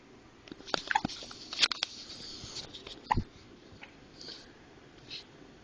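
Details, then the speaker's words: A 4-month-old infant with hiccups that burping did not stop: a few sharp little catches and clicks in a quiet room; hiccups. "anthony with the hickup anthy how do we how do we take up your you don't want to drink milk i tried burping you nothing work"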